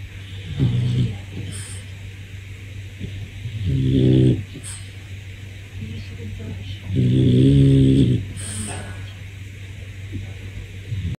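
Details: A French bulldog puppy snoring very loudly.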